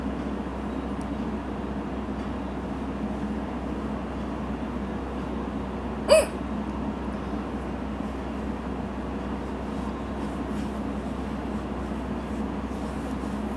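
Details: A woman with hiccups while drunk, recorded in a vehicle. A single sharp hiccup over steady vehicle rumble and road noise.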